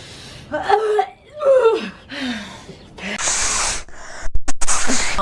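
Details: During a nasal-product challenge that left runny noses, voices and a gasp lead into a forceful sneeze, followed by loud nose blowing; sneezing.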